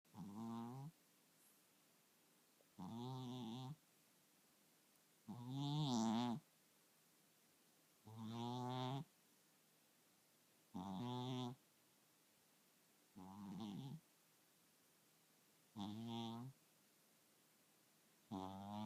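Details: Sleeping cat snoring: regular rattling, buzzing snores on each breath in a quiet room, about 23 a minute, getting louder 15 seconds in.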